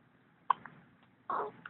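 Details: A girl with hiccups after her bath: two brief, soft, abrupt catching sounds in a quiet room.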